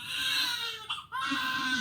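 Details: A newborn's high, wavering cry with a brief catch of breath midway, heard during the baby's first hospital bath after birth; an ordinary healthy newborn cry.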